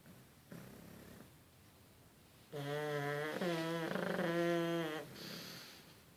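A loud, drawn-out tonal snore with a fluttering, whining quality on one breath after quieter breathing; snoring in a flat-faced dog.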